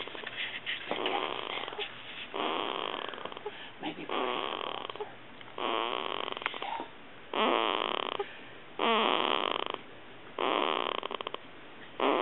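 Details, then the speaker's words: Soft, regular snoring breaths, about 39 per minute, each with a rough fluttering sound, from a sleeping 2-week-old baby girl; newborn snoring. "I'm trying to take a video of her snoring. Sorry. So cute. I haven't gotten it yet."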